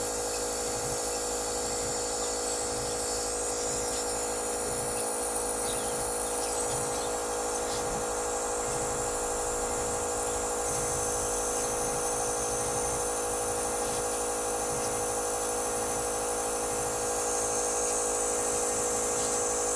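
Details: The steady motorized drone and buzzing whine of a nebulizer compressor during a baby's breathing treatment, on about the fourth and last day of nebulizing. Phlegm had made breathing hard, and the lungs are reportedly okay.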